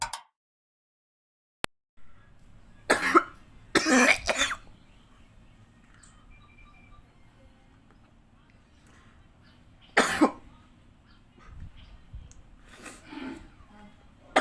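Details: Adult's own recording of coughing during COVID-19 illness, January 2021, with fever and weakness: several harsh coughs in short bursts with quiet gaps in a quiet room; COVID cough.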